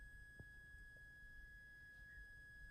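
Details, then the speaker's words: Tympanometry pressure test in a 7-year-old girl referred after her teacher suspected poor hearing; ear probe placed in ear emits a quiet steady pure beep tone, faint room noise. "how about your nose on your ear and it will test the pressure in your ear here you'll hear a beep beep"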